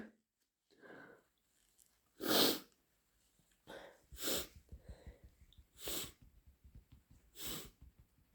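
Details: Sneezing bout: four sharp, explosive sneezes in quick succession, with sniffing and wet nasal sounds between them, in a quiet room.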